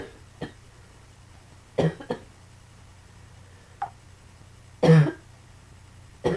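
Several short coughs and throat-clearing bursts at irregular intervals, about five or six, over a steady low room hum.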